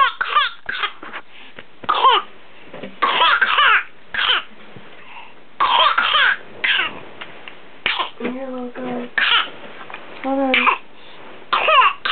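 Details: Child's prolonged coughing episode recorded for the doctor: repeated coughing bursts with high, crying-like voiced sounds between them; whooping cough suspected, with diagnosis unclear after an antibiotic course for pneumonia; possible whooping cough coughing fit.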